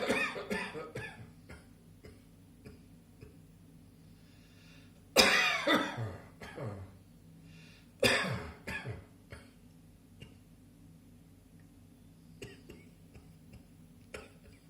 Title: Spring Afternoon Cough